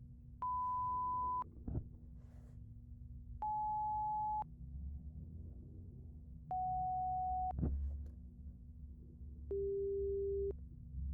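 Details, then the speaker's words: Acted ASMR hearing-exam roleplay, headphones on, testing both ears first: four steady one-second beeps, each a little lower in pitch, over a low hum: simulated pure tone audiometry tones. "So, we're going to start with the sound in both ears."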